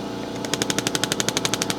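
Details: Radial shockwave therapy on an adult man's deltoid for shoulder pain, red tip, comfort mode off: rapid, even train of sharp clacking pulses, about twelve per second; radial shockwave device firing.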